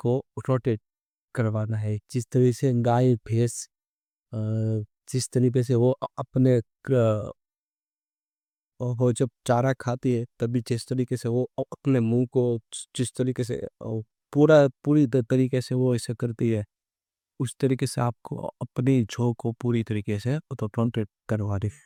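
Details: Adult man who stammers, speaking Hindi, who has done daily stammering practice including breathing and tongue twisters for about a month; stuttering.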